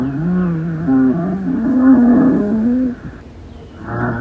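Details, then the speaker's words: Rhonchi: low-pitched, continuous, snore-like rumbling through a long breath phase, from large airways partly obstructed by secretions, mucus or inflammation, often changing or clearing after cough. "Los roncus o roncos son ruidos respiratorios adventicios continuos de tono grave y carácter de un ronquido. Estos son producidos por el paso de aire a través de las vías aéreas grandes, parcialmente obstruidas por secreciones, moco o inflamación."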